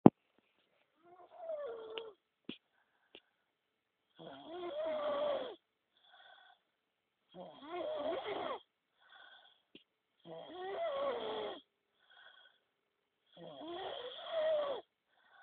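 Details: Adult man asleep after a long night of drinking alcohol: loud, rattling snores on each in-breath, about 20 a minute, with softer breathing between; snoring.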